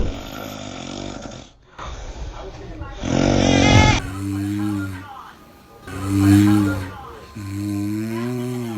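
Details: Father snoring: loud, rattling snores, each about a second long, with gaps of noisy room sound between them.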